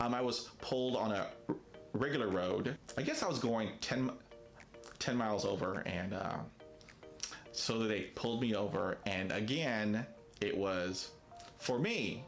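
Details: Stuttering in an adult man who describes himself as a person who stutters, with many prolongations, blocks, facial tics and effortful speech.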